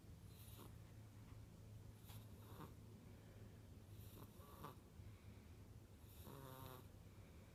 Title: Lincoln 5 wks snoring